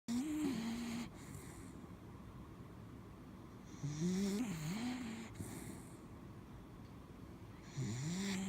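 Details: Snoring during sleep, part 3 of a recording: slow, rhythmic snoring at about 15 breaths per minute, with rattling, whistling inward sounds on each breath.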